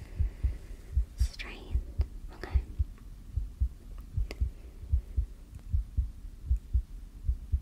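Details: Heartbeat: regular paired thumps heard through a stethoscope, about 78 a minute, with faint whispering, in a simulated ASMR hospital allergy-testing roleplay.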